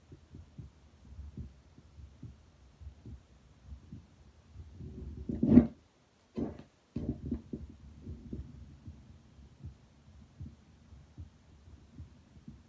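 Regular low paired thumps of the first and second heart sounds, with no added sounds between them. A burst of stethoscope handling noise and a brief dropout interrupt the middle of the recording. These are ordinary heart sounds heard over the chest.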